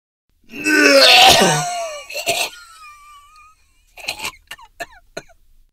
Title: Bad Cough Sound (#1) - ROYALTY FREE SOUND